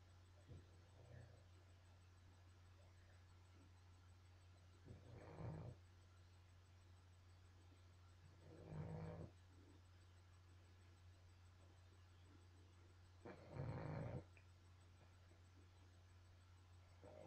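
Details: Soft low snores about every four seconds, roughly 14 breaths a minute, over a steady background hum; snoring.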